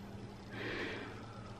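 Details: A single noisy, rough, wet breath from a very severely disabled son still congested after flu, not coughing well despite nebulizer and chest physiotherapy, temperature normal; congested breathing.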